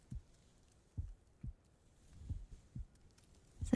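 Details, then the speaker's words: Slow, steady normal heartbeat with soft, low thumps in a quiet room, from a roleplay audio with the listener's head on the speaker's lap. "Can you hear my heart beating?"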